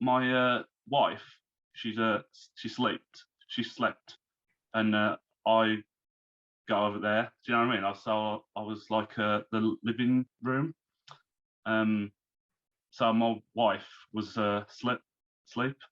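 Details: Man, 34, who had a stroke at 33 about three months earlier, lost speech, reading and writing, and is recovering; speech is worse when tired; aphasia after stroke.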